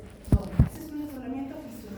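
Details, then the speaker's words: Simulated heart sounds in a Spanish cardiac semiology class: first sound then second sound, with normal, variable physiological splitting of the second heart sound. "normal, eh, variable, pero también existe el el desdoblamiento fijo."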